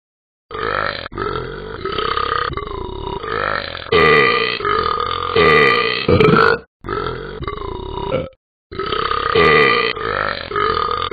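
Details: Simulated burping from the animated Talking Ben the Dog app: several long, loud, croaking burps in a row with brief pauses between them, repeated belching.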